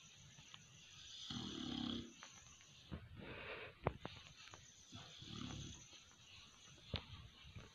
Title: Funny Pitbull Snoring and way of sleeping😅 ( Jungkook )